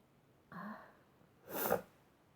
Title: Three Dusty Sneezes